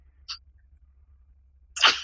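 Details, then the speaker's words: Adult with Tourette syndrome, main vocal tic since third or fourth grade, now also involving the throat; brief soft puff then sharp forceful snort blown through the nose; vocal tic (nasal air-blowing). "that one like i kind of blow out of my nose and i've you know it started out like i first had this tick when i was in like third or fourth grade and it started out as a very um just like light air blowing out of my nose"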